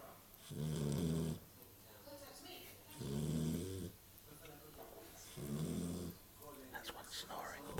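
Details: A sleeping puppy's first snoring: three slow, rumbling snores about every two and a half seconds, roughly 25 a minute, with light room noise between.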